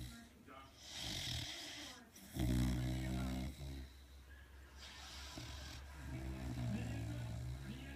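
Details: Cane Corso dog snoring while asleep: low rumbling snores with nasal snorting and some faint background noise; ordinary dog snoring.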